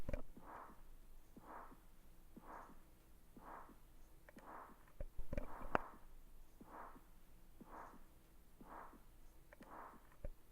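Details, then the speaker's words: Soft, regular normal heartbeat at about 60 a minute with no swishing or whooshing between beats, played as an example of normal heart sounds. "here's an example of a normal heartbeat"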